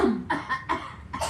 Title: PUN GAYA BATUK #lifeisbutadream #lucu #jalanyangjauhjanganlupapulang #cutebaby